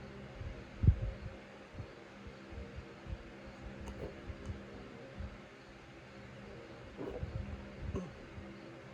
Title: I can’t get rid of my hiccups